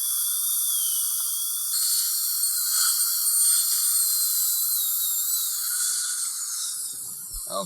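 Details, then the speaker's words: High-pitched dental drill whine rising and falling, then stopping: an ultra-fine bur under magnification working inside the embrasures near the gingiva after placement of Lumineers veneers on an adult woman. "now I'm gonna use an ultra fine here and with magnification I just go up inside these embrasures and I'm staying on the edge of the surface"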